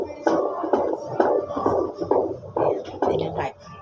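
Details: Rapid rhythmic whooshing pulses at about 130 to 140 a minute: a fetal heartbeat on Doppler during a pelvic and 3D ultrasound, a normal rate for this stage.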